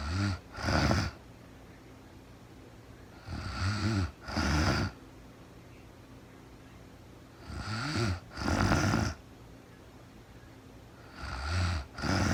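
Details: Real-time recording of a woman asleep overnight, very tired, no talking (labelled REM sleep): paired rattling snores with each breath, about 16 breaths a minute, separated by quiet pauses; snoring.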